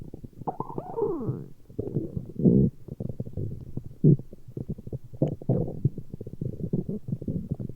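Irregular gurgles, squeaks and low bubbling rumbles, loud in places. Stomach growling from gas and fluid moving through the gut.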